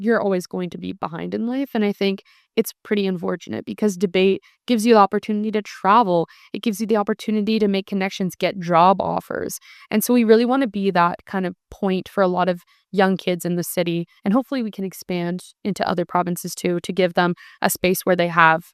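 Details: Adult speaker; Normal fluent speech.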